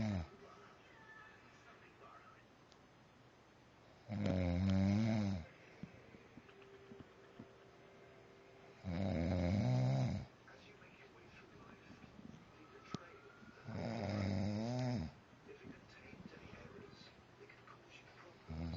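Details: Husband's snoring: three loud, rattling snores at regular intervals, about 13 a minute, with quiet room noise between them.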